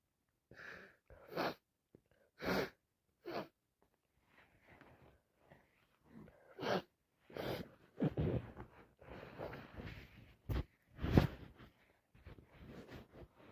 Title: Day 4 cold wet loud sneezes and blowing my nose so much